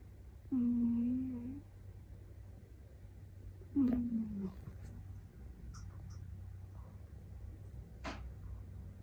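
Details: A sleeping fluffy mixed-breed male rescue cat heard from overhead, making drawn-out, whistly 'puu' tones several seconds apart in a quiet room: soft, tonal, funny-sounding snoring.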